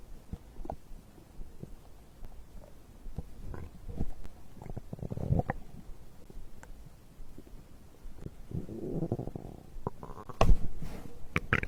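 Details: Low gurgling and rumbling with scattered pops over several seconds; ordinary digestive bowel sounds (borborygmi, stomach growl) recorded after drinking a beverage.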